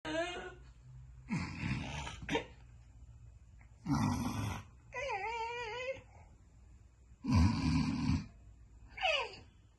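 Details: Snoring during sleep: repeated rough, fluttering snorts on each in-breath, with whistly, squeaky tones on breathing out; loud snoring.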